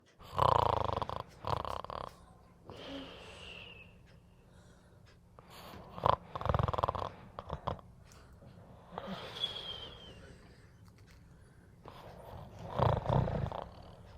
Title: The cat snores like a tractor #cat #funny #catsleeping